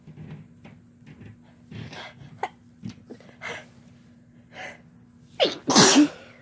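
Quiet breathing and small noises, then a sharp inward gasp and a loud explosive sneeze near the end.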